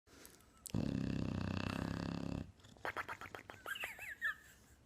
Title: Bulldog Funny Snoring